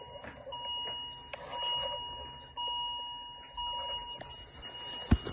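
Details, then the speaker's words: Patient lying flat (supine) with supplemental oxygen removed, self-demonstrating oxygen need: repeated electronic monitor alarm tones as oxygen saturation drops to 80% with heart rate rising; low oxygen saturation alarm, described as life-threatening. "je vi déclencher l'alarme parce que ma saturation est descendue à 80 donc là j'ai un risque vital qui est important"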